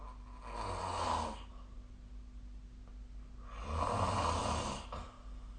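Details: Sleep recording made with a snoring app: two rough, rattling snores on breaths about three seconds apart over a steady low room hum; snoring.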